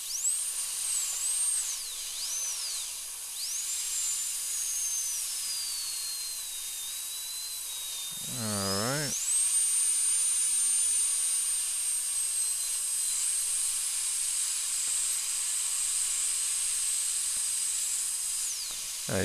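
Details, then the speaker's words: High-speed dental drill slowly removing a large old amalgam on tooth number two, a second molar, during crown preparation under rubber dam on a numbed patient: high-pitched whine rising and falling while cutting, brief low buzz midway. "so basically this is just an exercise and just going nice and slow"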